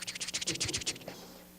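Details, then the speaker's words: Doppler "scratch flow" of arteriovenous shunting, as in an arteriovenous fistula: rapid, crunchy scratching bursts like chewing a potato chip. "esto yo le puse el nombre de script y flow porque el sonido suena como cuando tú estás comiendo te una papita"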